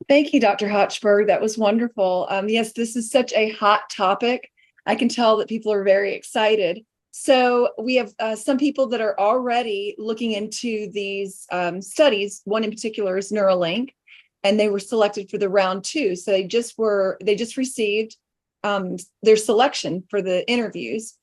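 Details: Adult woman speaking; ordinary fluent speech.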